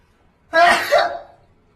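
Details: One loud, abrupt sneeze with a sharp onset and short fading tail, from a quietest-versus-loudest sneeze comparison; an ordinary sneeze.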